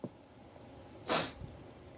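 A single sharp, hissing sneeze burst in a quiet room, part of a sneezing fit.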